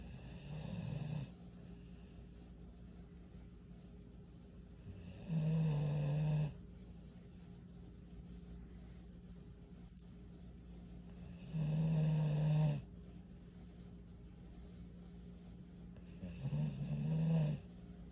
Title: Ja snoring after helping me work around the house all day… 😂 🐶 #pitbull